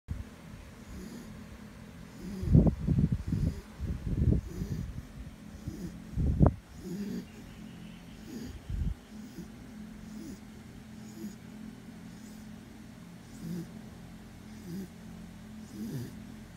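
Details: Sleeping guard dog snoring: low snorting, rumbling breaths, loudest at first, then settling into quieter noisy breathing.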